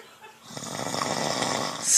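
A single loud, rattling snore rises out of near silence and builds toward its end, rough and noisy in character.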